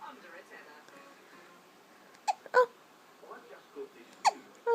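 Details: Hiccups: a few sharp, abrupt voiced catches spaced irregularly among quiet room sounds.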